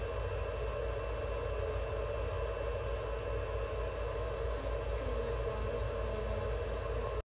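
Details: Running veterinary incubator giving a pet Java sparrow warming, humidification and oxygen therapy: steady loud rushing hum with low rumble, faint bird chirps possibly audible.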